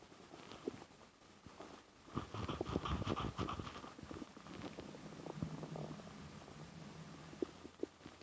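Low gurgling and rumbling over a quiet rustle, rising and fading; ordinary stomach growling from an infant's belly.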